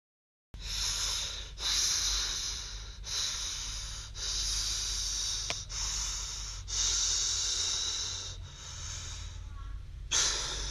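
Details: Steady, hissy breaths from a sleeping boy, about 40 a minute, with a faint snoring quality: noisy breathing during sleep.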